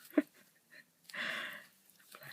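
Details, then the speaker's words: Dog snoring in the background during a crochet demonstration; snoring. "I do apologize if you can hear that noise that's the dog"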